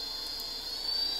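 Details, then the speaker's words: Low-cost open-source ventilator built from a CPAP blower: after the motor's initialization sequence, a steady high-pitched motor whine and continuous airflow hiss as it blows in low-pressure continuous CPAP mode. "plug it in you'll hear the motor go through an initial laces initialization sequence and it starts off in a low pressure level CPAP mode so it's blowing continuously right now with the air pressure and this will push air into your lungs"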